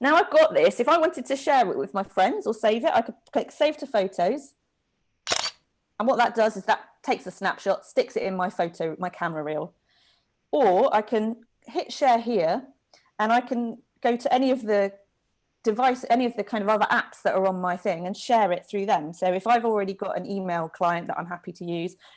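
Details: Adult speaker; normal speech.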